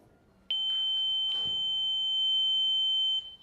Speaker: such as tinnitus a ringing in the ears that burdens these people day in and day out this ringing can sound similar to a noise like this